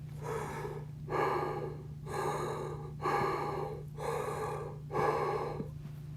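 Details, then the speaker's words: Harsh, hollow bronchial (tubular) breath sounds with loud phases of similar length and brief pauses, in neonatal respiratory distress syndrome; the hyaline membrane replacing alveolar air increases sound conduction. "if you replace the air in the alveoli with solid membrane called hyaline membrane you will increase sound conduction that's why now the sound is not this killer it's tubular and it sounds like this"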